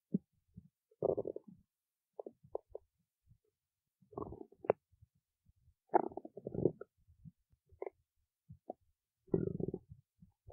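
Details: Stomach growling (borborygmi): irregular gurgling and bubbling bursts with quiet gaps between them.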